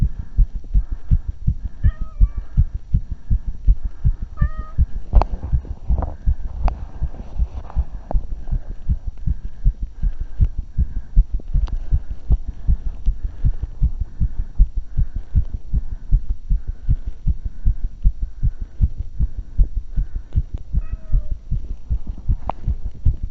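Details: Heart sounds recorded right after exercise (20 min walking, 35 min jogging, 5 min running): rapid, regular low thumps about 150–160 per minute; tachycardia after exertion.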